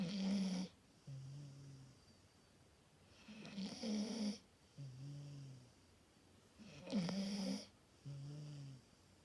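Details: Rhythmic rumbling in-breaths each followed by a softer buzzing out-breath, about three cycles in nine seconds; a sleeping dog snoring.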